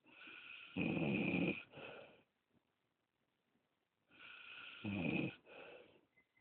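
Two loud rattling breaths in quick succession, each a coarse snore with a quieter tail, separated by a silent pause. Snoring.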